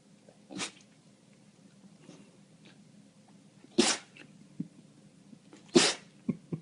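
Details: Two loud, sharp sneeze bursts and an earlier softer one, with brief dog sounds and room noise between them, as dogs react to the sneezes; sneeze.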